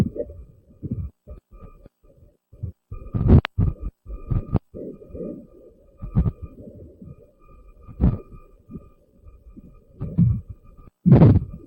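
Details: Ultrasound Doppler at 29 weeks of pregnancy picks up rhythmic whooshing pulses of a normal fetal heartbeat.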